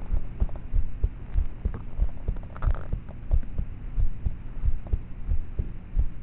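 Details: Own heartbeat of a teenager, about 13, recorded at night in a bedroom with a cheap MP3 player's built-in mic: regular low paired thumps at about 90 a minute under steady hum; normal heart sounds, quiet and muffled.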